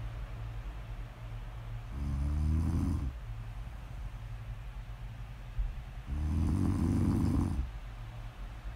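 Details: Two loud, low rumbling snores on the breath in, each about a second long, separated by a quiet pause over a steady background hum: snoring.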